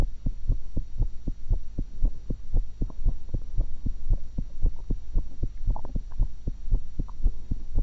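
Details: Steady, regular normal heart sounds recorded through a single stethoscope while the person was eating, after an apple and a cucumber, over a low background hum with no added sounds.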